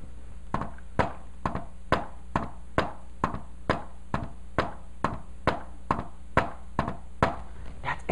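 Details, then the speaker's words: Tapped imitation of an S4 gallop heart sound: a soft extra beat just before each first heart sound, so close to S1 it sounds like "Tennessee, Tennessee". "now s4 is so close to s1 that when i do really fast you might not even notice look at this because it sounds like tennessee tennessee tennessee right"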